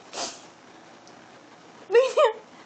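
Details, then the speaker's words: A baby girl standing up while drooling, with a soft breathy catch and then a short voiced squeak-like hiccup in a quiet room: hiccups. "I'm very impressed with your standing ability yay especially in the face of such horrible hiccups yay hiccups"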